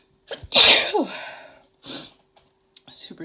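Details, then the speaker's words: Woman's sneeze deliberately induced with chhinkni sneezing powder during a sneezing fit: a sharp intake, then one forceful sneeze, followed by quiet breaths and murmurs in a small room. "Oh, I have to sneeze again. Jeez. I have to sneeze. Oh my god. Wow. Those are super strong."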